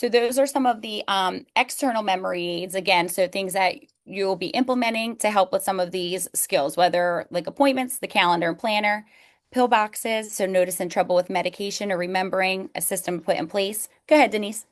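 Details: Adult woman speaking; no disorder.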